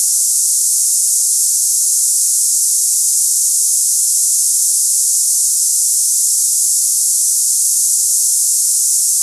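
Steady, unbroken high-pitched hissing, like cicadas, with nothing beneath it; an imitation of hissing-type tinnitus.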